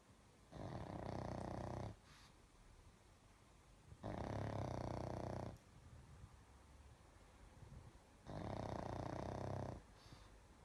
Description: Snoring pug who thinks he's a human